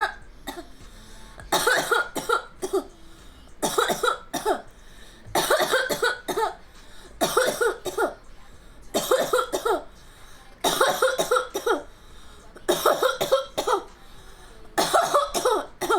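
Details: Adult coughing repeatedly in short bouts of two to four harsh coughs, about eight bouts in sixteen seconds.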